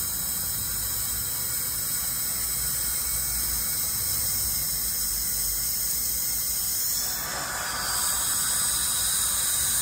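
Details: Continuous high hiss and fine spray noise from a dental scaler with water spray during a routine teeth cleaning, a hygienist cleaning a dentist's teeth in an ASMR recording.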